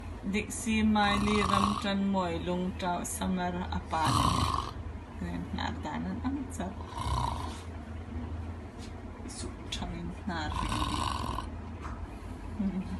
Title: Ultimate Snoring, watch till End